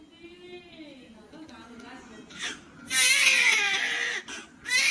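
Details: Newborn's first cry just after birth: whimpering building into a loud, strong cry; a normal first cry.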